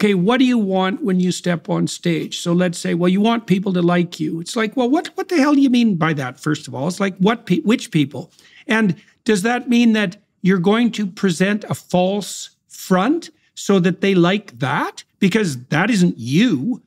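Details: Adult man speaking; normal speech.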